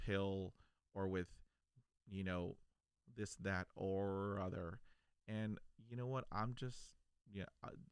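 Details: Stuttering in an adult man.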